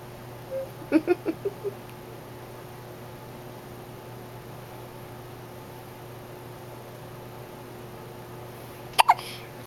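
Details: Person with hiccups: a quick run of five short, sharp, voiced catches, then a pair of louder ones near the end, over a quiet room hum.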